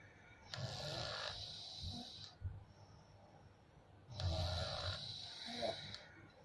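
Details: Heavy snoring during sleep: two long, loud, rattling snores with a hissing, airy edge, separated by quieter breathing.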